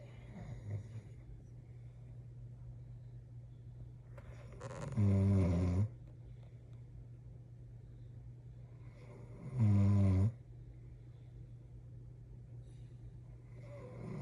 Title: Snoring husband